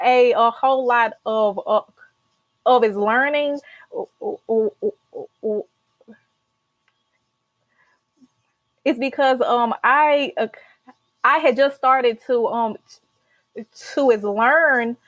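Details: Adult podcast host with stuttering for about 50 years, including blocks when speaking in groups; has learned tools in speech therapy; stuttering.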